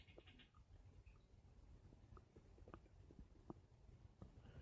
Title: My Stomach Making Noise 2